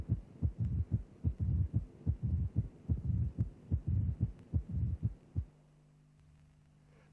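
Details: Teaching recording of the mid-diastolic murmur of mitral stenosis: the stenosed mitral valve creates a left atrial to left ventricular pressure gradient while the valve is open, and the murmur follows that gradient.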